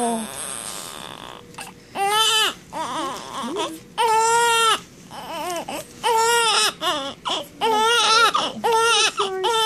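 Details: Young baby boy being dried and wrapped, described as rarely crying: repeated loud, rhythmic wailing bursts with short breaths between, faint room noise; vigorous infant cry.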